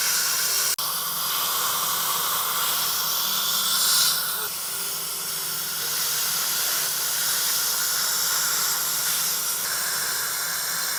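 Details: Continuous loud spraying hiss from an Airflow air polisher cleaning an adult man's teeth with warm powder and water jet during a real professional hygiene appointment; air polishing dental cleaning.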